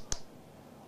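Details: Transcranial magnetic stimulation pulse from a coil over an awake adult's speech area while he recites a nursery rhyme, briefly disrupting his speech, as part of a research demonstration: a single sharp click.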